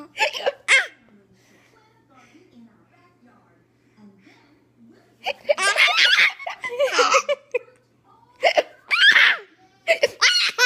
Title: Hiccups are funny